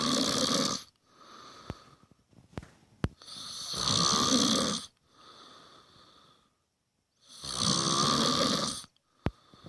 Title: My buddy snoring on his last invited camping trip